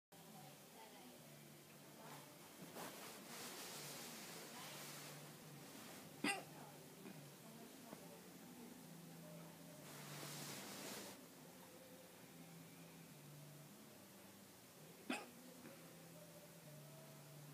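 Two short, sharp hiccup sounds about nine seconds apart over quiet room noise with faint background sound.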